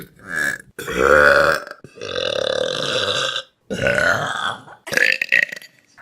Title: Best Burps From Vine || #34 || June 2016